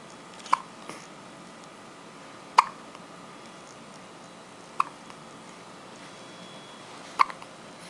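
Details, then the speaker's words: A cat with hiccups: four sharp, brief clicking hiccups at irregular intervals of about two seconds in a quiet room. "What you filming me for? I had the hiccups. So what?"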